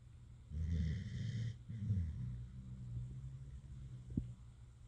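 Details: Staffordshire Bull Terrier napping, a low rumbling snore with one long noisy breath, softer fluttering breaths and a faint snort near the end: snoring.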